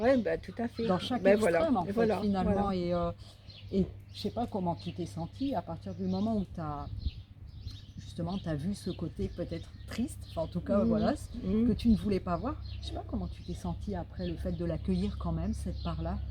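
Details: Adult speaker, French; ordinary speech.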